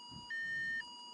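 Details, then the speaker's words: Patient's pain medication pump alarming because it has no medication in it until her sodium rises: a steady electronic tone, likened to a music box, that briefly jumps higher then drops back. "in are you hearing that alarm april is that what you're doing yeah it sounds like a music box sort of thing no it's not that's what we're hearing it's my pain pump it just went off again"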